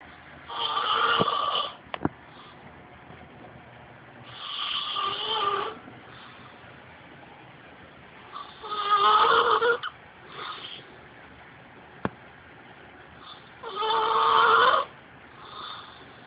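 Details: Loud, harsh snores on each in-breath, about 12 a minute, with quieter out-breath sounds; heavy snoring, recorded on the snorer unaware.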